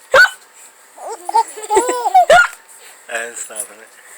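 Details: Baby's hiccups: two sharp, abrupt voiced hiccup gulps about two seconds apart, with soft giggling and babbling as the mother copies them; the baby's first real laugh.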